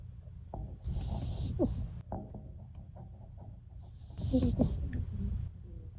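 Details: Two long, rough, rumbling breath sounds about three seconds apart, typical of snoring during sleep.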